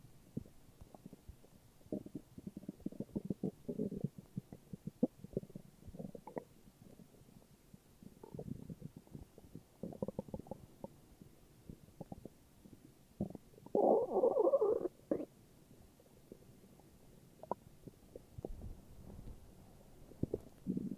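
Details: Morning stomach growls: scattered quiet gurgles and pops with one longer rumbling growl; ordinary borborygmi.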